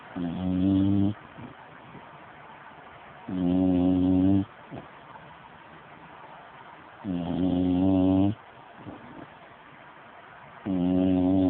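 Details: Snoring from a sleeping person.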